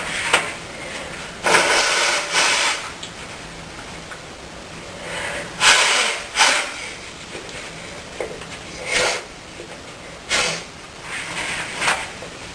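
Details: Woman in the early morning with a tickling, snuffly nose, sneezing many times, sniffing, blowing her nose and coughing while brushing her teeth and putting on makeup; several short, harsh bursts at irregular intervals over room noise.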